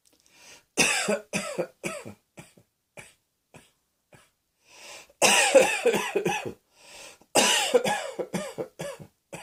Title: Cross Dressing Coughing 43